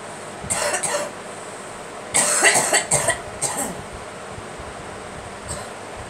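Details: A girl gives a short pair of coughs, then a cluster of about four coughs and a faint final one, over steady room hum; cough.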